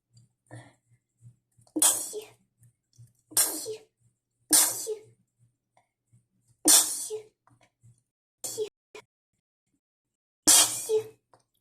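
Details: Person trying to hold back sneezes after cleaning dust: six sharp, partly stifled sneezes in about eleven seconds, with short breathy catches between them.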